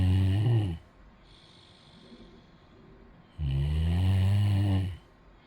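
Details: Loud, deep, drawn-out snores with a quiet gap between breaths; heavy snoring.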